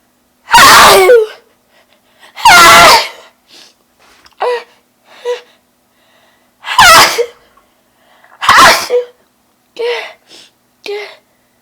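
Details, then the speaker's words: A sudden sneeze attack: four loud, explosive, very wet and messy sneezes, each followed by short gasping or vocal sounds. "okay that was really messy ew [Music] e oh my gosh that was so wet you know that was really really wet"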